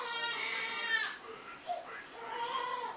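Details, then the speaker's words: A baby cries in the background while being changed: a high-pitched wail, then quieter fussing in a small room. "See, this grandma's meant to be helping, but she's changing the baby, because the baby's crying. I mean, you can probably hear her in the background."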